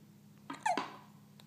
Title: Hiccups.